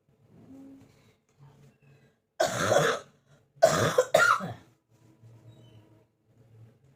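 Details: Persistent cough lasting many days: three harsh coughs, one long burst then two quick ones, with quiet breathing between.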